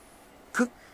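A single quick, high-pitched burst with a sharp hiss of air cuts through a quiet room: one small cat sneeze.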